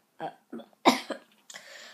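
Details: Four short, loose coughs in quick succession from a 12-year-old boy with a bad cold, really sick, treated with a breathing machine and medicine.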